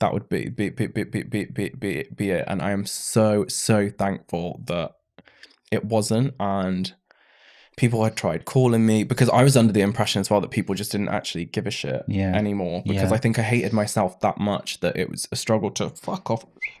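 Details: Adult man with Tourette syndrome diagnosed in his mid-20s after illness with brain swelling and brain damage; after seizures he stammered on every word; vocal tics with syllable repetition.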